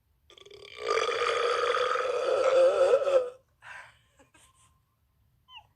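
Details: Prolonged voiced belch of about 2.5 seconds, then faint mouth sounds, from a person who says they are full of liquid; burping.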